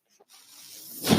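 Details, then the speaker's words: Real recording: the speaker's own mechanical ventilator heard as he talks, a soft airy hiss building steadily to a loud rush of air as it cycles. Mechanical ventilator noise. "my name is brendan maher that noise you're hearing is my ventilator"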